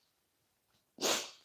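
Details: A single sharp, hissing sneeze from an adult woman recovering from Bell's palsy and Ramsay Hunt syndrome, followed by a brief voiced sound as she recovers; she mentions allergies right after.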